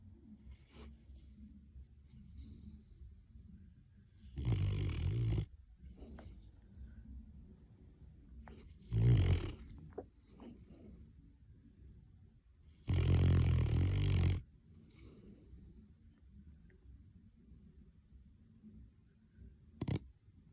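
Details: Sleeping Mastiff, snoring and twitching, owner unsure if normal: loud, low, rumbling snores in three bursts separated by quiet breathing.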